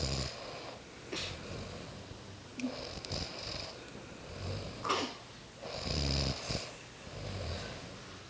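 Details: Mother and daughter asleep on a camping trip, snoring in sync, mother first then daughter: low, uneven snores with breathy, whistling inhalations in a quiet room: snoring.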